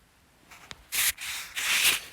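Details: Ear microsuction of an infected left ear canal after canal-down mastoidectomy, patient needing regular six-monthly clearing for skin build-up: short bursts of harsh hissing suction with a faint click as debris is cleared.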